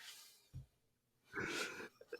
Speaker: we we already have a problem here between our dog who I'm sure you can hear right now snoring